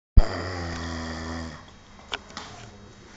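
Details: Person asleep on duty snoring loudly: a single loud, low, rattling breath lasting about a second and a half, then quiet room noise.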